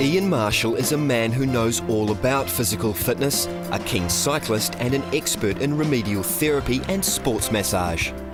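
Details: Adult male narrator; normal narration.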